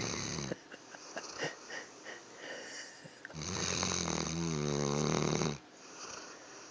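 Loud snoring from a sleeping dog, with a long rattling, whistling inward breath near the end.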